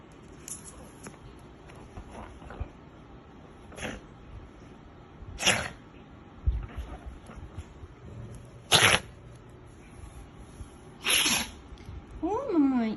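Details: A dog digging and sneezing repeatedly: several short, sharp bursts of air with hissing between scuffling sounds, and a voice briefly at the end; sneezing.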